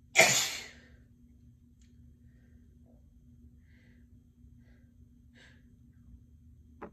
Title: Sick Sneezes & Snotty Noseblows (F)